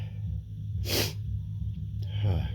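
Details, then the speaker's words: Build-up sneezes after a tickle: one sharp, hissing burst of air, then a softer vocal sound, over a steady low hum; one of a series of repeated sneezes. "feel a tickle. I think of a sneeze. Achoo! Oh. Achoo! Oh. Oh, that felt good. Oh, sneeze again."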